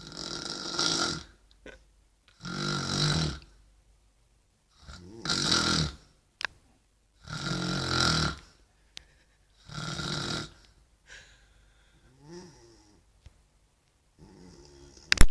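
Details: Heavy snoring from the uploader's mother: loud, harsh snores in a steady rhythm, about 25 a minute, with quiet pauses between breaths.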